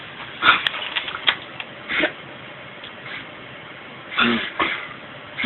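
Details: Suspected reverse sneezing: bouts of rough, snorting bursts drawn in through the nose, fitting reverse sneezing rather than ordinary throat clearing.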